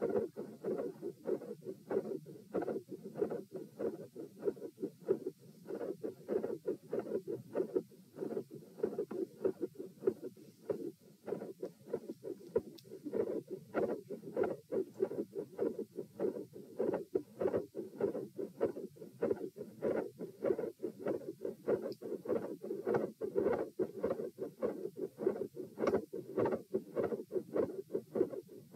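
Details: Heart auscultation stress test at tricuspid area (T), rate 84-96-108-120-96 bpm through lying, sitting, standing, knee bends, standing, lying; starts quiet, ends very loud, with intensity and murmur changes, split S2 and extra sounds.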